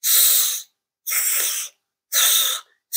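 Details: Demonstrated lateral lisp on /s/ with air escaping sideways, slushy and mushy rather than crisp and hissy; lateral lisp.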